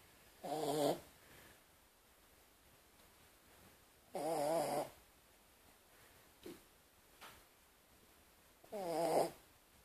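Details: Ordinary snoring: three loud rattling snores spaced a few seconds apart, quiet breaths between, about 13 breaths a minute in a quiet room.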